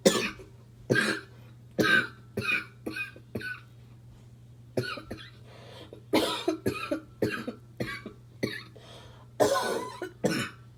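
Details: Adult smoker with a barking cough that comes on while smoking: repeated harsh, abrupt cough bursts in short runs separated by pauses, over a faint steady hum.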